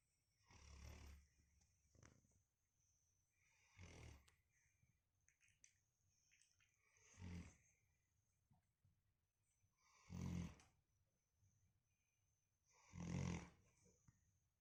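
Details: Five deep, low rumbling snores, one every three seconds or so, in a quiet room: snoring.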